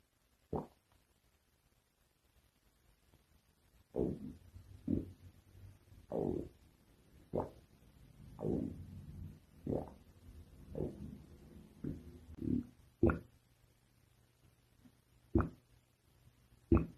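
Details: Stomach noises (borborygmi): intermittent soft low rumbles and gurgles, roughly a dozen bursts, typical stomach growling from normal gut movement.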